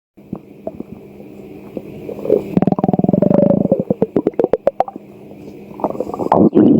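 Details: Hunger stomach growling: loud gurgling rumble breaking into a fast bubbling rattle, then fading.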